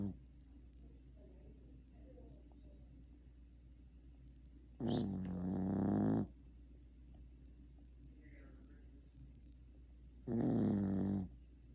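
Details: Two loud, rattling snores a few seconds apart, with quiet room noise between them, from a sleeping female pet cat.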